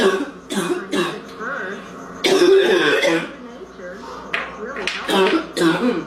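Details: Adult woman's smoker's cough: repeated deep, harsh, congested barking coughs with throaty clearing between bursts.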